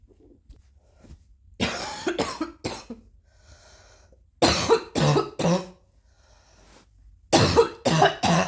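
Three bouts of harsh coughing, each two to three bursts, separated by quiet pauses; repeated coughing.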